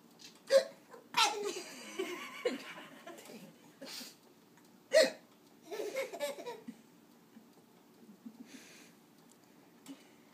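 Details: Baby boy laughing at his own hiccups: a few sharp, abrupt hiccups mixed with giggles and belly laughs, with deep chest movement.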